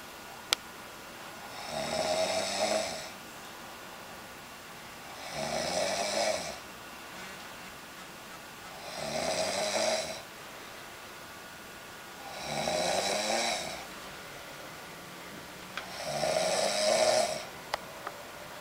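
Five loud, rattling snores on inhalation, about 17 a minute, fairly regular, with quiet exhalations between; typical snoring in a quiet room.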